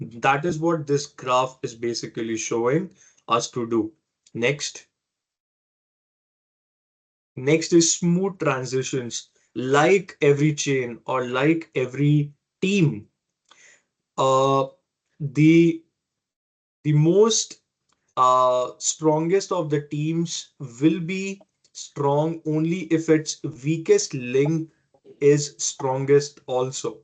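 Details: Adult man who has stammered since early life, persisting into adulthood; stuttering.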